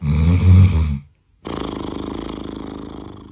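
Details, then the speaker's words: Loud, low, rumbling snore on the in-breath, a brief pause, then a softer rapid fluttering; snoring that is not serious. "朋友打呼噜，记得帮他听一听，这种问题不大。这种听着吵，多半累到了，"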